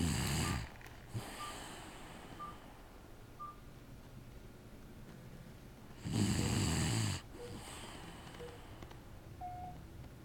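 Two harsh, vibrating snores about six seconds apart, with soft breathing and faint room noise between them: ordinary snoring.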